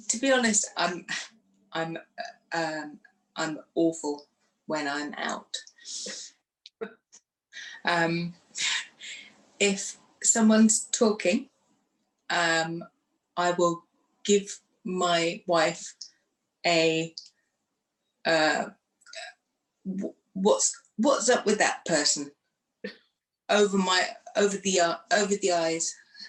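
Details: Woman who had a stroke two days after a hysterectomy in 2018, aged 44, lost her speech afterwards, and now lives with post-stroke aphasia.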